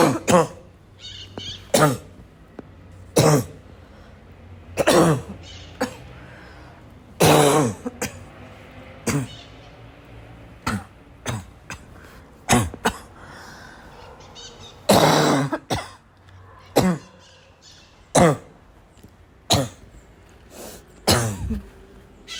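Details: A coughing fit of about sixteen harsh, barking coughs in 22 seconds, mixed with repeated throat clearing; barking cough.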